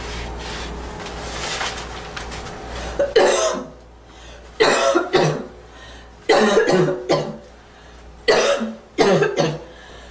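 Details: Female performing deliberate coughs: four bouts of harsh coughing, mostly paired bursts, over about ten seconds, with faint room noise before them; cough.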